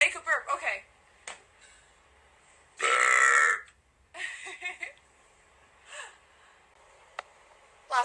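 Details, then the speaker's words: Voluntary burping on request: one loud, drawn-out burp lasting about a second, between short bits of quiet speech in a small room; deliberate belch. "Make another burp, please. You really like my burps, don't you?"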